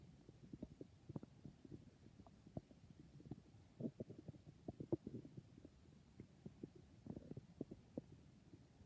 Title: I think my stomach is being very noises